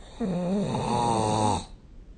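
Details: Snoring recorded with the SnoreLab app: one drawn-out, buzzing, slightly voiced breath sound lasting about a second and a half; a single snore during sleep.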